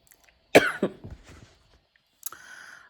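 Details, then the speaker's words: Adult woman's short run of three or four dry coughs fading in strength, then a brief voiced sound; recurring little dry cough from asthma flared by allergies during weather swings, not COVID-19 per her. "But it also messes with my asthma sometimes, which gives me this, like, little dry cough, like, every few seconds."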